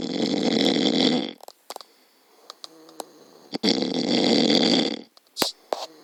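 Two long, loud, rattling snoring breaths separated by quiet pauses with small clicks.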